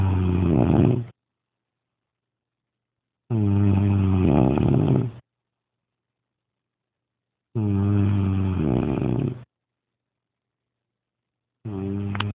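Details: Man snoring after heavy smoking and drinking: loud, rough, rattling snores about two seconds long, every four seconds, with silent pauses between; ordinary heavy snoring.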